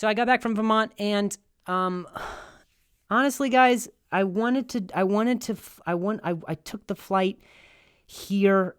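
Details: Stuttering in a male comedian who has a stutter; finding: stuttering.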